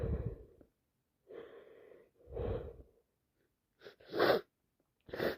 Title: Day 4 cold wet loud sneezes and blowing my nose so much